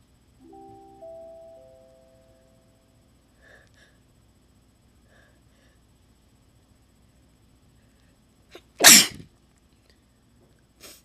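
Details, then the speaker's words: Person deliberately attempting to sneeze gives one loud, sharp sneeze, called a big one, after a quiet stretch, with a few soft chime-like notes at the start; sneezing. "Okay, so I know I have not made a sneezing video in forever. So I've got this, and I'm going to attempt sneezing again."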